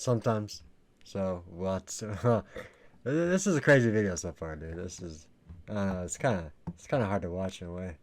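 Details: Adult male speaker; typical speech.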